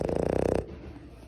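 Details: Boston Terrier dog snoring: rapid rattling, fluttering snore fading to quiet breathing.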